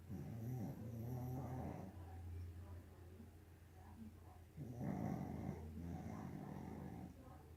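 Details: Rattling, grunting snores from a napping pug; snoring.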